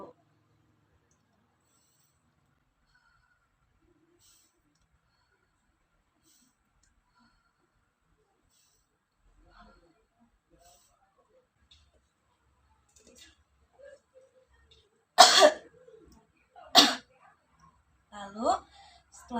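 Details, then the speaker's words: Long quiet stretch, then two strong, sharp coughs and a throat clear: nursing student demonstrating effective cough technique, after 4–5 deep nasal breaths, last breath held 1–2 seconds, shoulders raised, to expel phlegm. "setelah itu bahunya diangkat dadanya dilonggarkan lalu ee e batuk batukan secara spontan dan kuat saya akan praktikkan kita tarik nafas terlebih"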